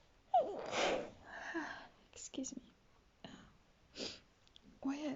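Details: Run of several short, breathy, feminine-sounding sneezes with sharp intakes between them at 2:40 a.m., described as painful and unlike the usual sneeze, in a quiet room; repeated sneezing.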